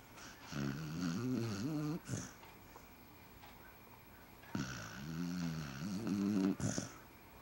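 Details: Rufus, a sleeping basset hound, snoring, described as quieter than his usual snoring; his name is called repeatedly to wake him afterward.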